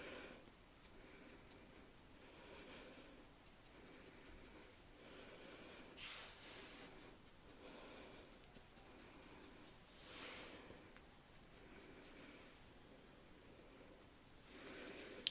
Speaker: Also, apologies if you can hear my dog in the background. She is snoring our wee head off.